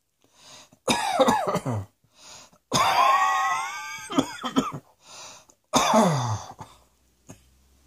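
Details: Acted coughing: several loud, harsh coughs with throat clearing and short breaths between them; cough.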